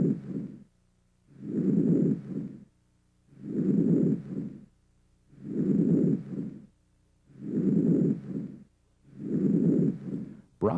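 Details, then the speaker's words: Soft, low-pitched rustling breaths at about 30 a minute, heard through inspiration and fading in the first third of expiration. Normal vesicular breath sounds, heard over most lung fields. "vesicular breath sounds are soft and low pitched they're normally heard during inspiration and the first third of expiration and can be heard throughout most of the lung fields"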